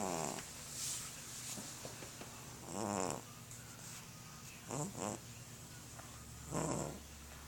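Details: Soft, fluttering snore sounds repeating every couple of seconds over a steady room hum, from a sleeping overweight cat, phone recording; cat snoring.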